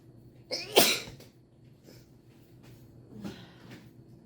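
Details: Person doing a COVID-19 nasal swab test: a sharp sneeze with a brief lead-in breath, then quieter rustling; sneeze induced by the nose swab.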